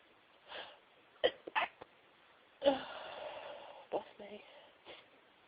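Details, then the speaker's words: Stifled sneezes after announcing "I'm gonna sneeze": several short, muffled, held-back bursts with quick breaths between them, followed by a breathy exhale. "I'm gonna sneeze. Chew. Chew. Chew."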